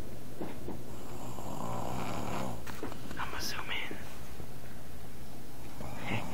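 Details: Heavy snoring: a loud, low, rattling snore filling most of the clip, with some whispering in the background.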